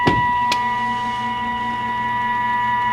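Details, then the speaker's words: An Imax Touch dental panoramic X-ray unit, after the patient exits and 0 is pressed: a click, then a steady motor hum with a faint rhythmic whir as it returns to its starting position. "The patient has exited, so we hit 0. And the machine will return to starting position."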